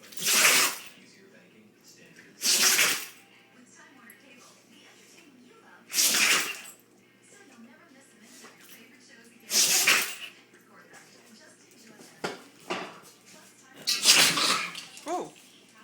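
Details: Rottweiler dog having a sneezing attack: five sharp, explosive sneezes a few seconds apart, then smaller snorts.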